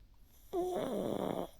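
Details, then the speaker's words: Dog Charlie sleeping in a micro camper on a freezing winter night gives a single rough, fluttering breath lasting about a second, faint background hum; snoring. "But I think I think I might sleep sometime soon. Can you hear Charlie snoring? Listen."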